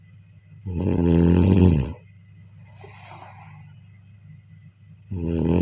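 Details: Loud, low, rattling snore on the in-breath, then a softer breathy out-breath and the next snore beginning, recorded during sleep: snoring.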